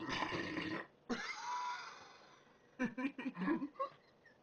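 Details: Repeated burping after eating pizza: a long, loud burp, a second drawn-out belch, then a run of short throaty grunts.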